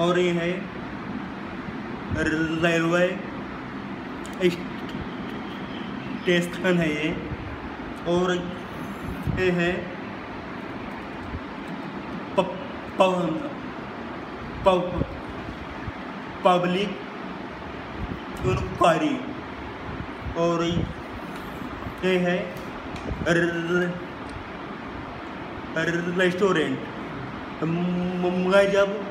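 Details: Male who stammers, says his stammer increases at railway stations, public enquiry counters and restaurants; stuttering.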